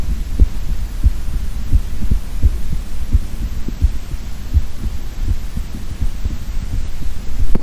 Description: A man uses a stethoscope linked to a microphone to record his heart beat sounds.